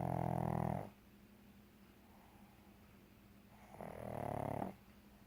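Two loud, rasping snores about four seconds apart, with a low room hum between them: snoring in a flat-faced dog.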